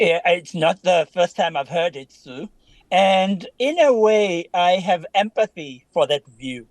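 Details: Adult speaker; Normal speech.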